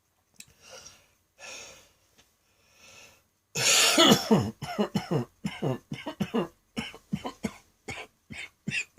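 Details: Adult coughing fit after a throat tickle: a few breaths then a long run of about fifteen rapid, harsh coughs, leaving the cougher light-headed.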